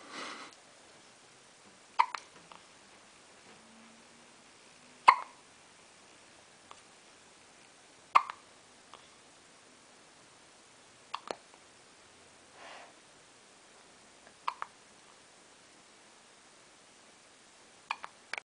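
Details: Young girl with hiccups: sharp, brief hiccups recurring every few seconds, about 19 a minute, in a quiet room; a bout of hiccups.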